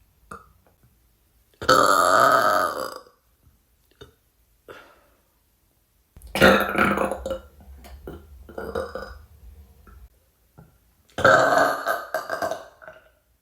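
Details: A woman burping: three loud, drawn-out voiced belches with quieter short sounds between, in a quiet room.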